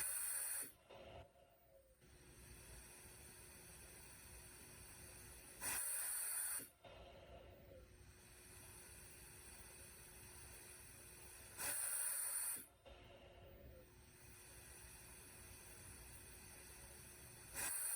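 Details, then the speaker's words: RespiraWorks ventilator test rig, oxygen source, high compliance, about 500 mL cycles, rate set down to 10 breaths/min: regular hissing gas bursts, short inspirations with long pauses between; mechanical ventilator cycling. "And the ventilator is actually keeping up quite well at 30 breaths per minute, even with the high compliance. This is essentially a 500 milliliter cycle. Going down to 10 breaths per minute."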